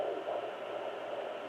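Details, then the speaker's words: Fetal heartbeat at 22 weeks of pregnancy on a home fetal Doppler, probe held directly over the heart: steady whooshing rhythm heard clearly. "I'm right on his heartbeat. I hear that really good."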